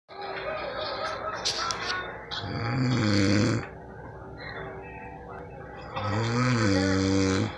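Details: Two loud, rough, low-pitched snoring breaths a few seconds apart from a man sleeping, with quieter breathing and background noise between; snoring.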